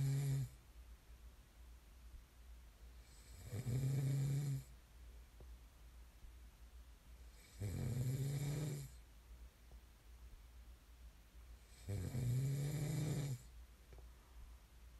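Steady, low, vibrating snores on each breath in, about 14 a minute, over a faint background hum.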